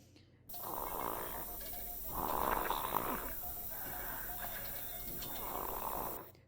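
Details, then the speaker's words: Rough, low fluttering breathing sounds recurring across the clip, given as an example of low-pitched inspiratory snoring during sleep in a lecture on stridor in children; snoring. "the first sound is snoring the second sound is Strider and the third sound is grunting"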